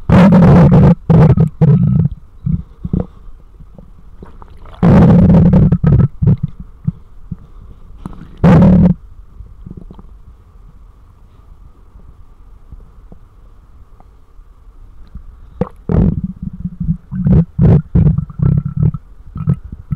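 Loud low gurgles and rumbling bursts from the belly, coming in clusters with quieter gaps; ordinary bowel sounds.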